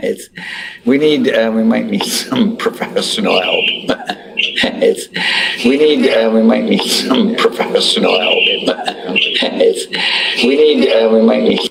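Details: Adult male speaker; normal speech.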